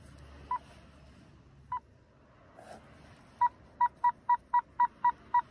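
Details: Power-on check of an OT-707 infusion pump: short tonal beeps, two single beeps then a quick regular run of eight, a normal self-check over faint room noise.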